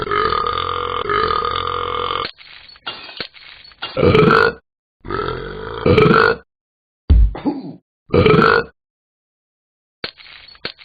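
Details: Talking Ben the Dog cartoon app character repeatedly burping: several long, loud, voiced belches separated by short pauses and small noises.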